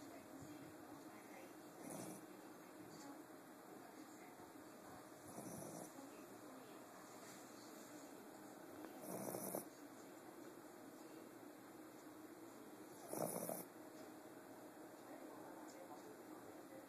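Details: Pomeranian dog snoring in sleep, heard while the owner relaxed on the bed: soft, rough breathing noises recurring every few seconds, about 15 a minute, over steady room hum.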